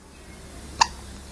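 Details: A little one with the hiccups: a single short, sharp hiccup against quiet room noise.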